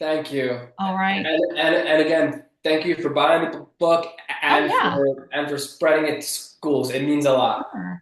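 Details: Adult man who has stuttered since childhood and still stutters in conversation; stuttering.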